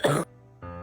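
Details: Sick woman with a chesty wet productive cough provoked by trying to laugh: a single short, rough cough burst over steady background music.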